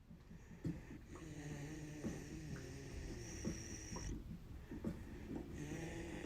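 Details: Light snoring during sleep: soft, irregular snuffling snores with little snorts and whistling noises over a low rumble.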